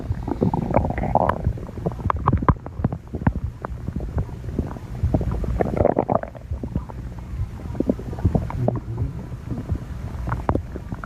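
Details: Stomach growling (borborygmi): about eleven seconds of low, rolling gurgles with bursts of bubbling clicks and squelches.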